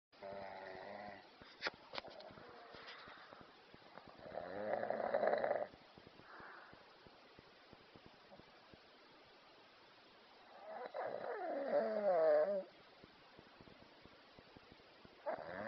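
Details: Cow snoring: two long, rough, rattling breaths about six seconds apart, with quieter breathing between.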